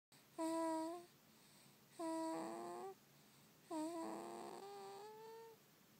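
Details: Infant snoring while asleep: three long, slow, voiced, whistly breath sounds with a humming tone; harmless baby snoring.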